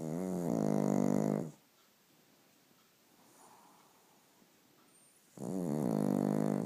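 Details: Sleepy pug puppy snoring: two loud, buzzing, rattling snores separated by a long quiet pause.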